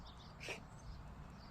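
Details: Stray cat coughs while the owners remark that its cough sounds just like their own; they suggest it may happen when it drinks water: cough.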